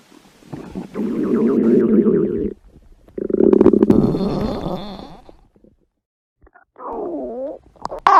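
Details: Hungry pet's stomach growling: long, low rumbling and gurgling stretches with pauses; normal bowel sounds (borborygmi).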